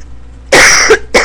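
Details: Two harsh, forceful coughs after quiet room noise, from an adult who has been sick and unable to recover since returning home from a trip, with symptoms that seemed to ease and then returned.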